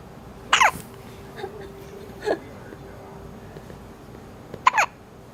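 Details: Baby with hiccups: three short, sharp hiccups within about five seconds over faint room hum.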